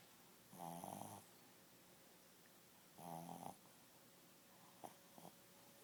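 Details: A sleeping dog in a quiet room snores, with rattling snores on each breath at about 24 a minute.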